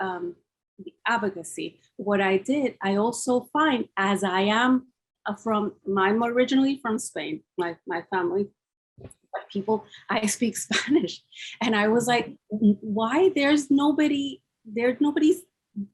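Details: Woman with aphasia after a massive double stroke (ischemic and hemorrhagic) at age 48 in June 2012; she was mute at first, had about three years of speech therapy, and has residual word-finding difficulty; finding: aphasia.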